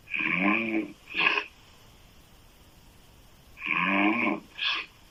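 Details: Woman snoring loudly with open mouth: a long rattling inhaled snore then a shorter snort, repeated twice in a quiet room.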